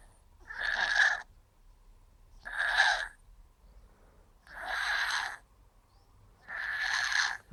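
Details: Snoring of a sleeping cat: four breathy, rasping snores about two seconds apart, roughly 30 a minute, in a quiet room.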